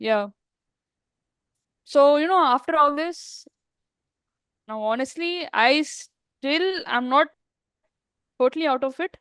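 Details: Woman who stammers, speaking in an interview with word and part-word repetitions; stuttering.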